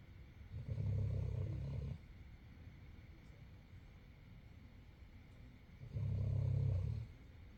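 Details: English Mastiff dog snoring very loudly while asleep: two loud, low, rumbling snores about five seconds apart over quiet room noise.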